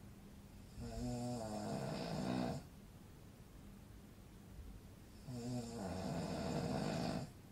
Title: Man Snoring sound effects - Good for sleeping while listening to snoring sound